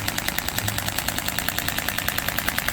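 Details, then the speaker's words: Radial extracorporeal shockwave therapy device firing rapid steady clicks, about ten per second with mechanical rattle, held at 90 degrees and moved along the muscle, as for iliotibial band syndrome in knee pain treatment. "그 방사형을 치료하는 방식은 주로 근육을 따라가면서 치료한다 생각하시면 됩니다."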